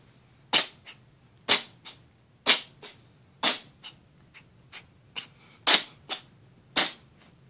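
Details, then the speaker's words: Orange tabby cat sneezing repeatedly in a rapid run of sharp, hissing bursts, about one each second; one described as a big sneeze. "Oh my goodness, that was a big sneeze."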